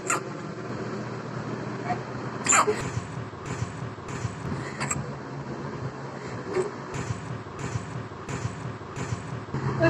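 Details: A baby's first hiccups: several brief, sharp infant hiccup sounds spaced a couple of seconds apart, over steady vehicle road noise.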